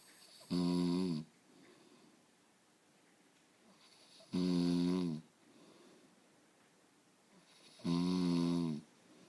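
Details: Adult man beginning to snore lightly: three loud, rattling, vibrating snores on inhalation, several seconds apart, with quiet breathing between, about 16 breaths a minute; snoring.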